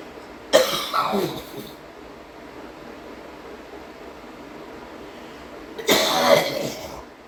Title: hard coughing (f)